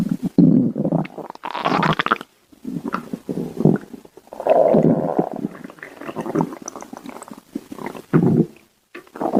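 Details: Stomach growling; borborygmi.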